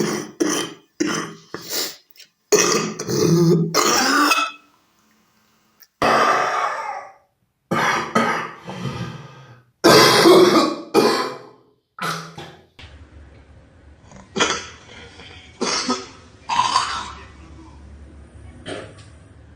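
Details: Compilation of clips: series of harsh, gurgling cough bursts with throat clearing; wet, mucus-laden cough.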